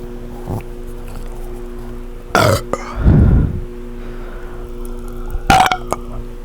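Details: Close-up burping after gulping foamy soda, with heavy breathing; a deep, drawn-out burp between sharp gulping or swallowing sounds over a low steady hum: belching.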